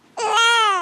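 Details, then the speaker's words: A two-week-old newborn boy, not in the best mood, gives a short, high, clear wail that rises then holds; the parent calls it his milk cry, meaning he is hungry. "You hear that little cry? Is he doing the milk cough? Oh, that's the milk cry. That's the milk cry."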